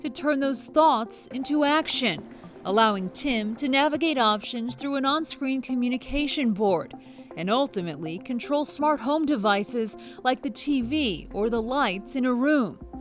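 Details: Adult woman narrating; Typical speech.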